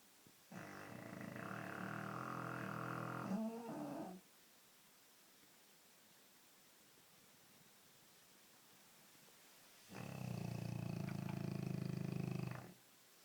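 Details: Sleeping dog: two long, loud, rumbling breath sounds separated by a quiet pause; snoring.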